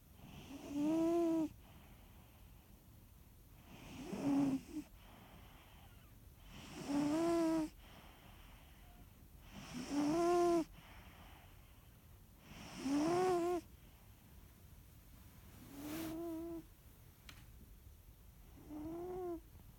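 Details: Snoring: rhythmic high-pitched whistling snores on each breath, about 20 a minute, with quiet pauses between.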